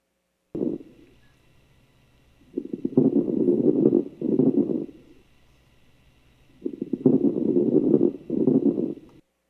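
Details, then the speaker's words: Lung sound amplified several times over a regular stethoscope: coarse crackling bursts during inspiration across two breaths, hard to tell from friction rub; crackles (rales), suggesting severe heart failure or COPD. "네, 이 소리는요. 흡기 시에 나는 빠그락빠그락 나는 소리예요. 사실 이 소리는 마찰음과 좀 비슷해서 듣기가 조금 어려운 부분이 있고요."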